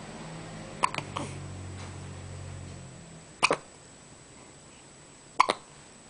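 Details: Hiccupping with eyes open: three sharp, abrupt catches of breath a couple of seconds apart in a quiet room.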